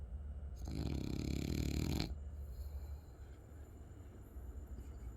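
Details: One loud, rattling, low snore on an in-breath, then quieter breathing, from a French bulldog, heavy snoring "like a truck".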